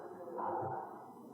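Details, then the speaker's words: Awake dog in a brachycephalic obstructive airway syndrome talk: harsh, noisy breathing mixing snoring-like stertor with a higher-pitched strained stridor edge on inspiration, a severe pathological upper airway obstruction sound. "But when we see high-pitched sound, we call stridor. And this is extremely pathology event for the dogs."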